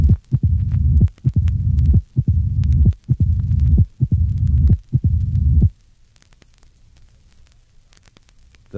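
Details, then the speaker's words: Patient with severe mitral stenosis: loud, sharp first heart sound, early opening snap, and a louder, longer mid-diastolic murmur with presystolic accentuation. "in patients with severe mitral stenosis the mid diastolic murmur is louder and longer with pre-systolic accentuation the first heart sound is loud and sharp and the opening snap is early listen to a patient with severe mitral stenosis see figure 121."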